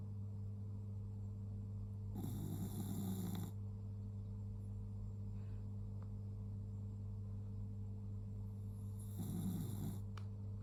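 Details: Snoring: two rough, rattling breaths about seven seconds apart over a steady electrical hum.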